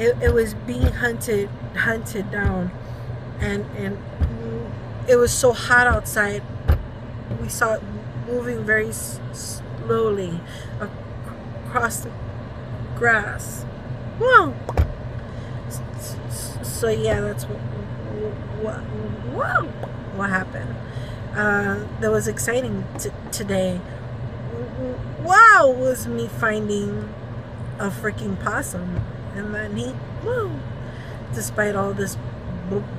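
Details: Woman with Tourette syndrome during a tic attack while running errands, with uncontrollable repeated exclamations and swearing (coprolalia), around the time her medication was due; vocal tics.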